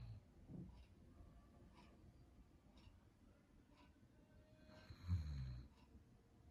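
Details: Sleeping dog snoring: soft, low rumbling breaths with faint regular snuffles, then a louder snorting snore near the end.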